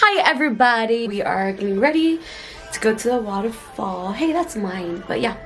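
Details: Adult woman speaking; Normal speech.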